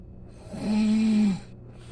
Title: snoring 😴